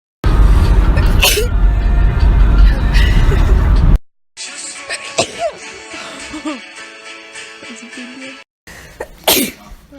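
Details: Person sneezing repeatedly: two sharp sneezes, partly masked by loud background music and abrupt cuts in the sound.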